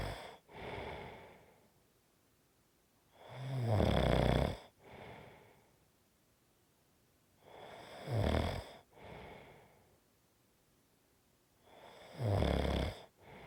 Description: This is a 5 1/2 minute snoring clip. It fades and gets stronger and fades.